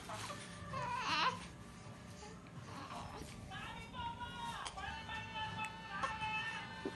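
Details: Infant girl crying after tummy time, wanting to be held: fussy crying in rising, wailing bursts, with an adult talking softly and faint music in the room.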